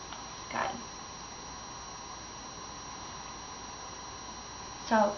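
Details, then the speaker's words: Normal bowel sounds on stethoscope auscultation of all four abdominal quadrants during an abdominal exam: two brief high-pitched gurgles over a quiet hiss. "bow sounds are present I hear High pit gurgling um if I didn't hear it I would wait for 5 minutes in each quadrant"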